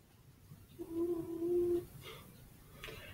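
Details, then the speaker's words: Sleeping dog snoring: one drawn-out, whistling nasal tone on an in-breath in a quiet room. "That's my dog snoring, by the way. So you ever wonder what that sound is? That's my dog."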